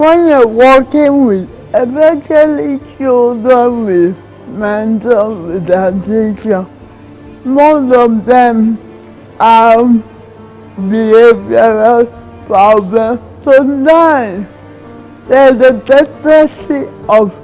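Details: Dysarthria in a woman in her 30s with cerebral palsy, diagnosed in childhood; she says her condition has improved as she grew.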